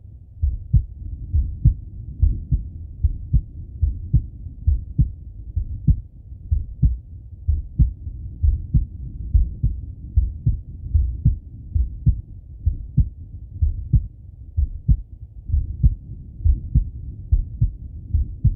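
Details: Male heartbeat and breathing auscultated through stethoscope: steady low thumping heartbeat with soft breath noise underneath; normal heart sounds.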